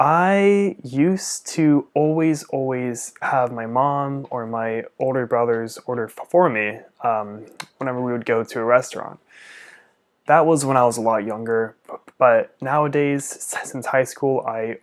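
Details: Stuttering in an adult male speech-language pathologist who stutters, with upper-body jerks as secondary behaviours, co-occurring Tourette's syndrome with facial, jaw and neck tics, and a father who also stuttered.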